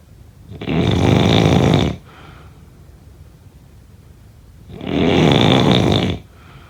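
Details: Two long, loud, rough rattling snores on inhalation about four seconds apart, with quiet breathing between them: typical snoring.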